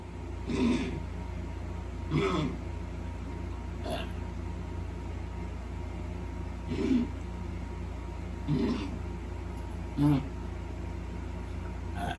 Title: coughing